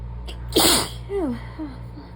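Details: Single forceful hissing sneeze after a sharp breath in, followed by a brief falling vocal sound, one of a sneezing fit that began while lying down to rest after work.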